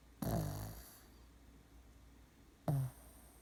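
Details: A pet asleep on its back on the owner, snoring hard enough to wake itself: two loud, low, rattling snorts about two and a half seconds apart, with quiet room noise between.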